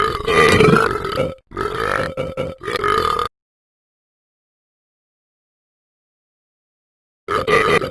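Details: Loud, long, throaty burps in several bursts, then silence and another burp; belching.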